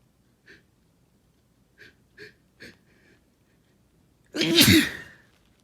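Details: Itchy wet sneezing: several short sniffs, then one loud wet sneeze.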